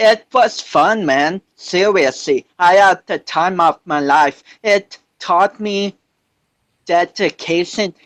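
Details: 25-year-old man with cerebral palsy since birth, which he says affects his balance, coordination and speech; doctors said he would never walk, and he is now a powerlifter; dysarthric speech (cerebral palsy).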